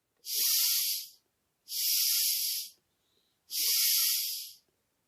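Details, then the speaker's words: Three forceful, hissing blows about a second long each through a homemade Arduino-based smart incentive spirometer, which flags the speed as too high and says to slow down; excessive flow. "and then now i'm showing to going to show the the hardest bit that's mean i blow it too hard and it will also tell you it's too hard so you need to slow down your breathe"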